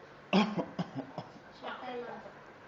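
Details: An 11-month-old African grey parrot imitates a cough ("batuk") among learned phrases: a short burst of cough-like sounds and a throaty vocal noise; a learned imitation, not illness.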